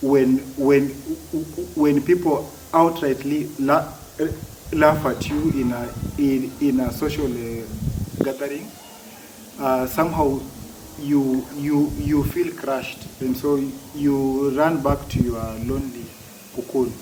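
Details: Adult man who has stammered since childhood, for as long as he can remember, with blocks and difficulty uttering words that he says worsen when over-excited; stuttering.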